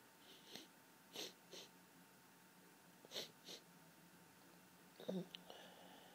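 Several sharp, explosive sneezes in quick succession, each with a quick intake before it, against a quiet room: a sneezing fit from hay fever.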